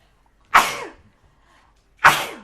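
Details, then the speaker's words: Two sharp, explosive sneezes about 1.5 seconds apart, each a quick forceful outburst fading out, from a person sneezing during a recorded video, with anticipation of the sneeze beforehand. "Sorry about the sneeze. I think I'm gonna sneeze. I was right."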